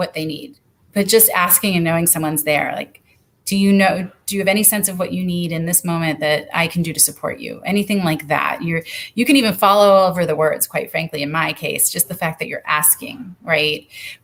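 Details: Adult woman speaking; typical speech.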